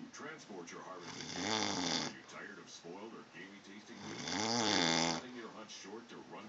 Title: "I don't snore.."